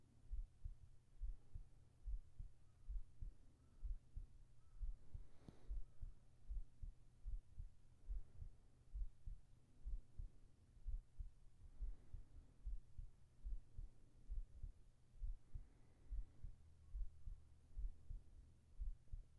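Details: ASMR heart sounds for sleeping, recorded with a whispered voice: soft, steady low thumps at about 71 beats a minute against a faint hum, a normal heartbeat recorded for relaxation.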